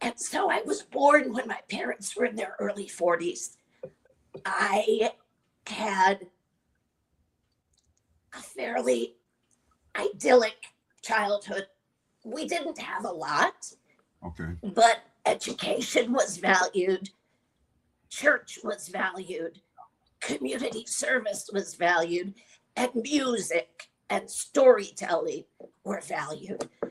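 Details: Adult woman with chronic dysphonia, a voice disorder, treated with Botox injected into the vocal cords every three months; real patient speaking; dysphonia.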